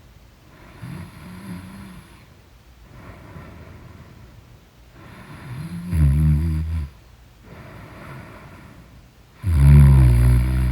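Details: Heavy snoring in deep sleep: quiet breaths alternate with loud, rattling, irregular snores, at roughly 16 breaths a minute.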